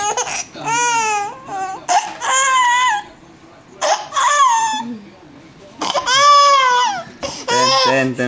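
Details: 4-month-old baby crying for an older sister's iPod: loud, high-pitched wailing cries in bursts with short gasping pauses, some room noise and adult speech.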